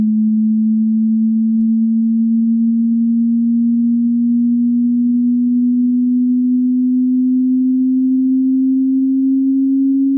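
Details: Hearing test sweep played through speakers at medium volume, a steady pure tone rising very slowly from low to higher pitches to check the listener's hearing range.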